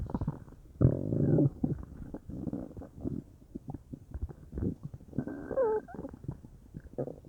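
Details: Low gurgling and bubbling rumbles with a squeaky rising-falling burst near the end from a person's belly, stomach or intestines uncertain, belly felt bubbly; bowel sounds (borborygmi).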